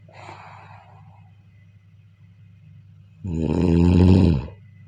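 A single loud, buzzing snore on a breath in after a quieter stretch of breathing.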